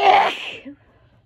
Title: Allergy Sneezes